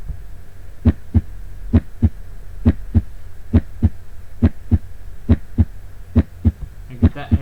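Steady, regular lub-dub pairs at about 69 beats a minute, with a voice starting at the end: normal first and second heart sounds.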